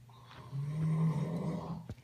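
One low, rumbling, drawn-out snore from a sleeping animal.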